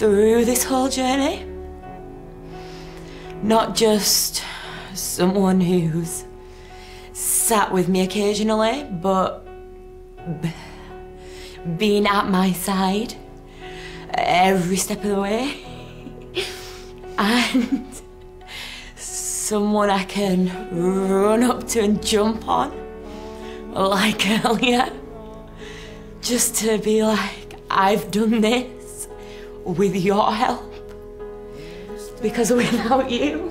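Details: Acquired neurogenic stammer (stuttering) in a 23-year-old woman after a minor stroke caused by the rare condition HHT.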